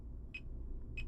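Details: Fingertip pulse oximeter beeping with each beat, two short electronic beeps about 0.65 seconds apart over room hum, roughly 95 per minute, during heart rate comparison with a Realme Watch 5 smartwatch.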